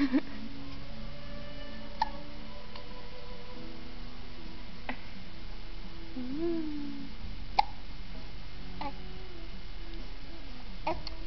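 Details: Two-month-old infant with hiccups, smiling and cooing: brief sharp hiccups recurring every few seconds, with music and room noise.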